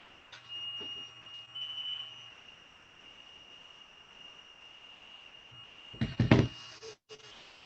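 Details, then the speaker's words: Faint, repeated high-pitched beeping from a teacher's insulin pump alarm over quiet room noise during an online lesson. "right we'll carry on right that's just my insulin pump i do apologize"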